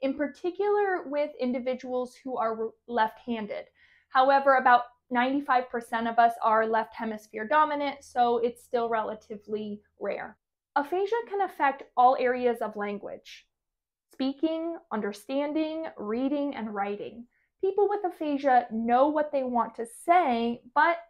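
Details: Adult woman speaking; typical speech.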